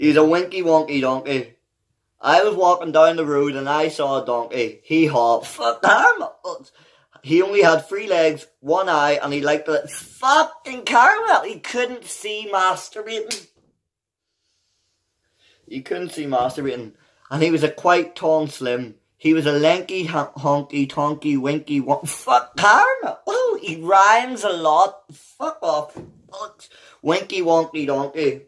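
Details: Adult man with Tourette syndrome, a neurological disorder causing involuntary sounds and movements; unedited involuntary vocal tics, including vulgar words, interrupt his reading of a children's book aloud; real, not acted.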